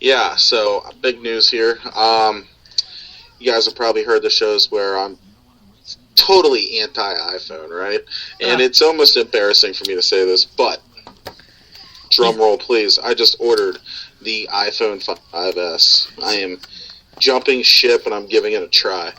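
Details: Adult man speaking; Normal adult speech.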